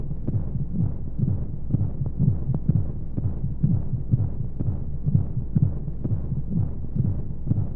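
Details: Womb-sound sleep aid for babies: muffled rapid pulsing at about 125 beats a minute under a constant whooshing rush of flowing noise, like a heartbeat heard from inside the womb, with white noise; heartbeat.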